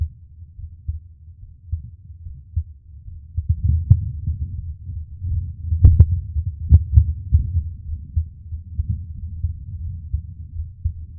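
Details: A man's own heartbeat recorded up close for ASMR relaxation: regular, normal, muffled low thumps with a few faint handling clicks.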